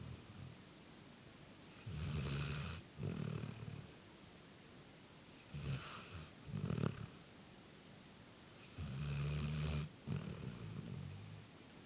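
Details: Golden retriever dog napping on a couch: three paired low rumbling snores in about 12 seconds, each a snore in and a shorter one out, over quiet room noise; snoring.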